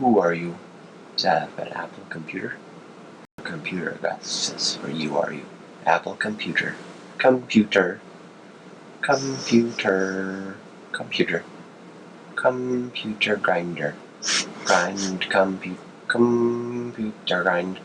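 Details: Adult man, asleep; sleep talking (somniloquy).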